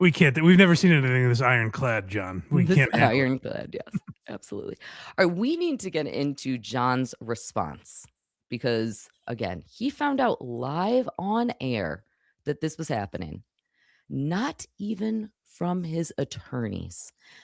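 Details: Adult speakers, commentary; ordinary speech.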